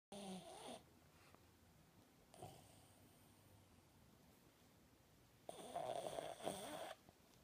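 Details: Sleeping pet snoring: two rough, rattling breath sounds, a brief one then a longer one, separated by quiet.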